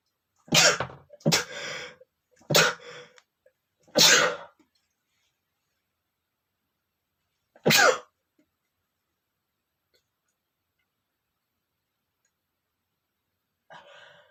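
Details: Male sneezing: a run of five sharp, explosive sneezes growing stronger, the last after a short pause, then a faint sniff; ordinary sneezing.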